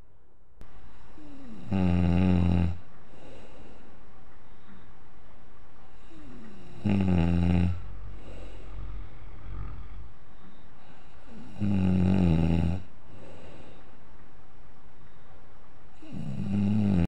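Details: Snoring competition involving a father: loud, rattling snores about every five seconds, roughly 13 a minute, over a steady low background hum; ordinary heavy snoring.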